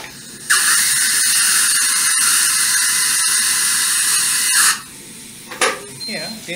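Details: Dental implant drill in anterior maxillary extraction socket during implant placement surgery: sustained high-pitched whine running about four seconds, then stopping into quiet room noise.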